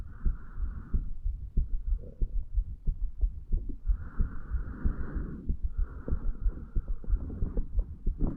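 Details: 35-year-old man lying in bed hours after going to sleep, after alcohol, heart recorded at mitral area: low thumps about 90 a minute, uneven spacing and pauses, scratchy rubbing noise; irregular rhythm with skipped beats.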